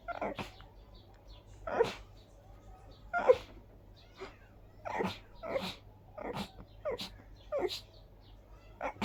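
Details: A rapid run of about ten short, forceful sneezes in nine seconds, an allergic sneezing fit on a high-pollen day combined with dust allergy.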